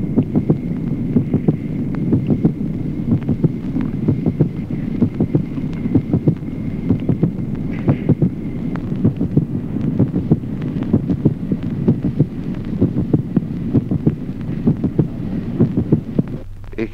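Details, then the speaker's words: Teaching example: heart sounds near 64 a minute with a clear, constant doubling of the second heart sound, split second heart sound in left bundle branch block. "ejemplo undo duplicación del segundo ruido cardíaco en el bloqueo de Rama izquierda división manifiesta y constante del segundo"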